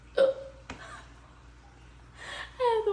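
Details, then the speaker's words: Painful hiccups in the morning that lasted 30 minutes: a short, sharp voiced catch with a brief click, then faint vocal sounds in a quiet room. "I sat on my couch for 30 minutes with the hiccups just trying to get rid of them so I could at least take a sip of my coffee they were so painful and they were distracting me"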